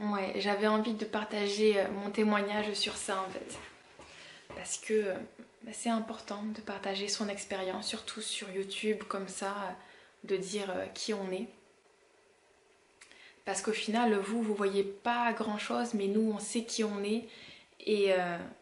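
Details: Adult woman, 32, with stuttering since about age 4-5; she says stuttering or blocks may occur here, especially when she is tired, upset or rushed.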